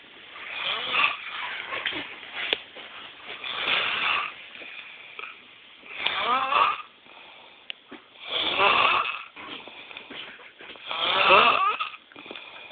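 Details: Person snoring during sleep: rough, rattling breaths recurring every few seconds with quieter gaps.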